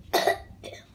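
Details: Young child with a cough, which the parent links to eating ice cream and cold drinks: a single harsh cough burst followed by a softer breath out.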